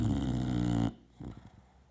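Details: 3-year-old English Bulldog snoring heavily while sleeping comfortably: a loud, deep, rattling snore, then quiet soft breathing.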